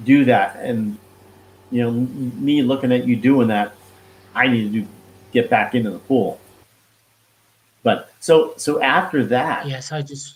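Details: Expressive aphasia after a stroke with heart attack in 2016 in a man, now 53, who could not talk at first and still loses words; hospitalised five months.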